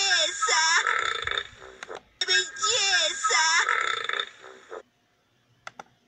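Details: Burping: two long, loud, drawn-out voiced burps with a wavering pitch, followed by a short quiet pause and faint clicks.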